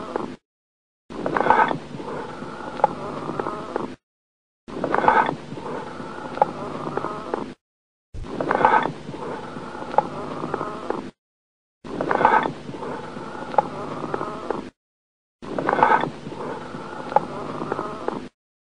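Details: Hollow, echoing breath sounds with a jug-like resonance, repeated five times, from a paediatric (MRCPCH) chest auscultation collection of abnormal breath sounds: amphoric breathing over a lung cavity.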